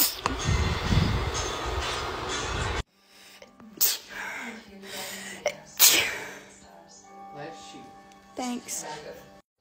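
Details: A few sharp, explosive sneezes after a stretch of loud noise, with faint music and talk in the background, in a short edited compilation of sneezing clips: sneezing.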